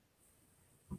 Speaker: and my dog is snoring so loud I don't know if you guys can hear it